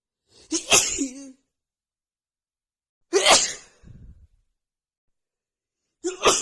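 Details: Three forceful sneezes in quick succession, each with a sharp inhaled lead-in; itchy sneezing fit in a female.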